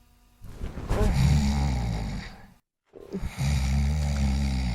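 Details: Loud, low, rattling snoring with a brief silent gap, performed in a Sundanese comedy sketch; snoring.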